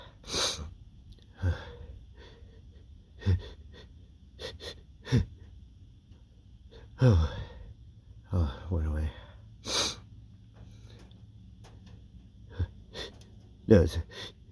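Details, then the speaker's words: Male with dust allergies flaring at a dusty workplace; several short, sharp allergic sneezes spread out over quiet room noise, with soft breaths between. "uh my allergies are really kicking up today it's at work and it's so dusty so I thought I'd because you record some of my see you Sneezy yeah for you guys"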